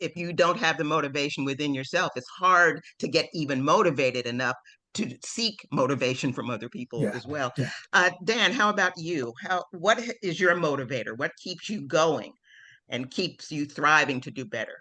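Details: Adult speaker; normal fluent speech.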